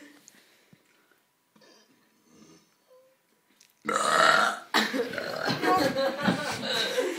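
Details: Deliberate burping in a burping competition: a quiet stretch, then a long loud burp followed by a second drawn-out belch.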